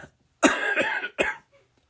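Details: Adult coughing, still coughing after being sick about three weeks earlier: two harsh cough bursts, the first longer and rough, the second brief.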